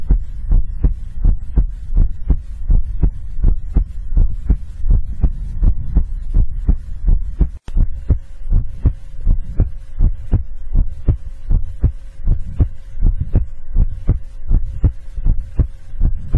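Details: Normal resting heartbeat, ASMR heartbeat recording: steady, regular low thumps at about 81 beats a minute with a faint background hum.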